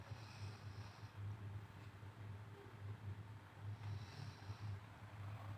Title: suara ngorok